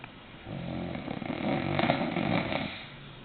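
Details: A sleeping bulldog snoring: a single long, rattling, fluttery breath lasting about two seconds, with quieter breathing before and after.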